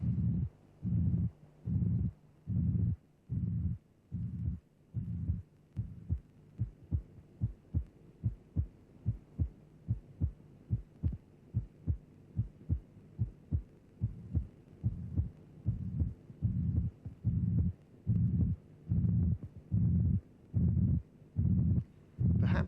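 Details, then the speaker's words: Pansystolic murmur of mitral regurgitation in a cardiac auscultation teaching programme: a flat, constant-amplitude systolic murmur synchronous with the pulse that obscures both heart sounds, with the second sound just audible at its end. "the murmur is pan systolic it is obscuring both heart sounds although you may just be able to hear the second sound at the end of the murmur"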